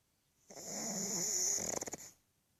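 One loud, hissing, rattling breath lasting about a second and a half, ending in fluttering vibration; a flat-faced dog snoring.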